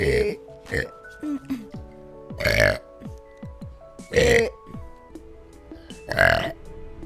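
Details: Vtuber compilation of four short, loud belches over light background music and faint talk; burping.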